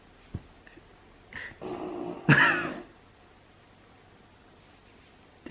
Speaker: but if you hear someone snoring in the background it's our dog